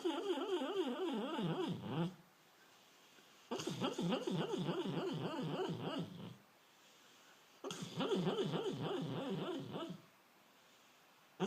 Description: My dog Emma is making some really funny sounds while dreaming.